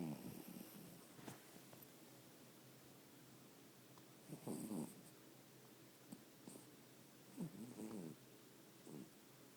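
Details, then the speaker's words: Tired pet dog snoring in sleep: soft, low, rattling breaths in short bursts every few seconds over a quiet background. "This shit is crazy. My dog snores."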